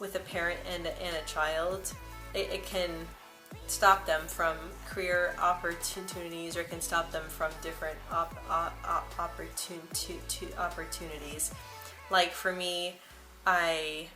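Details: Speaker, likely female, whose stuttering began at about age 9 or 10; part-word and word repetitions audible; stuttering.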